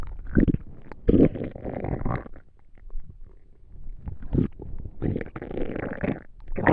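Low gurgling rumbles in several bursts with quiet gaps: ordinary stomach noises of digestion.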